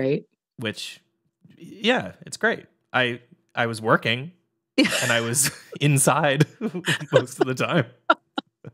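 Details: Adult male speaker; normal voice.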